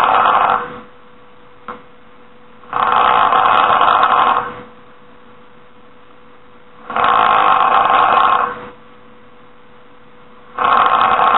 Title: This is how snoring sounds like and This is how it looks like